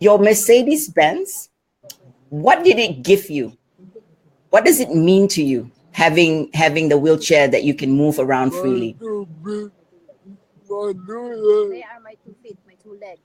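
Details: Adult woman; typical speech.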